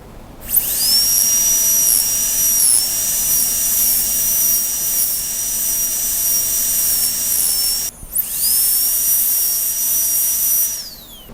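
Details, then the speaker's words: Pulpotomy demonstration on primary tooth 75 in a training model: high-pitched steady whine of a high-speed dental drill in two runs, briefly stopping, as a straight fissure bur enlarges the access cavity. "After this, we exchange this round burr with the straight fissure burr for enlarging the access cavity."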